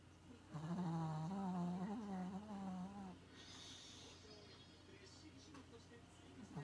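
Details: Sleeping Maltese puppy snoring like an old man: a long, loud, buzzy snore with a rough, rattling quality, then quieter breathing with soft snuffles; ordinary puppy snoring.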